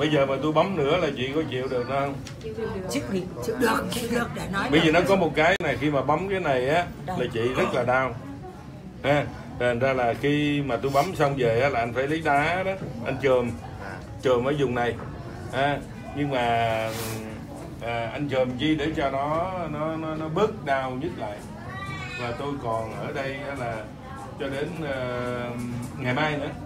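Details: Adult male practitioner speaking Vietnamese; normal speech.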